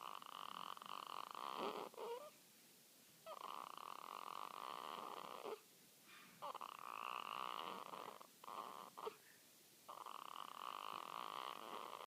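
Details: Newborn girl a few hours old, asleep, making soft nasal snore-like grunting noises in bursts with brief pauses; ordinary newborn sleep noises.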